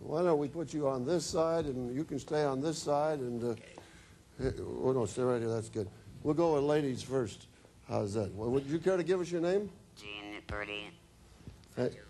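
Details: Adult man speaking; normal speech.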